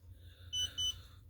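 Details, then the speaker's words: Two short high beeps over faint room hum: an OmniPod insulin pump pod, worn by a young child in a diaper, confirming deactivation during a site change before removal. "And if you heard that beep beep, that means it's pod deactivated."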